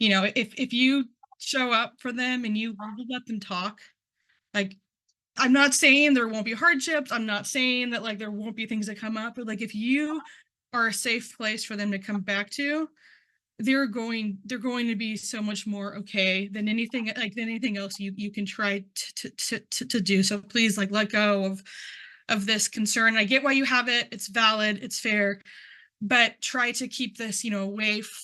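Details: Man who identifies as a person who stutters, speaking at a stuttering conference; word and part-word repetitions are audible; stuttering.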